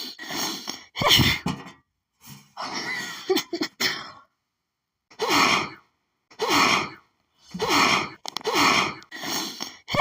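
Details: An allergic, hitchy sneezing fit triggered by perfume, as lately nearly every scent causes sneezing: a rapid run of about seven to nine sharp sneezes, each preceded by a quick inward catch of breath.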